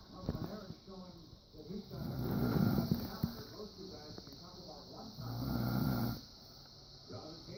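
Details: A father snoring in his sleep: slow, rough, rattling breaths, louder on two long breaths, over a steady background hiss.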